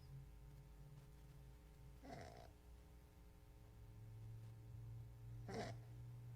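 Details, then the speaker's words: Male sleeper with obstructive sleep apnea: brief snoring and snorting breaths separated by stretches of near-complete silence, apneic pauses during which he is not breathing. "He's still not breathing. Okay. Look at this now. Look how silent."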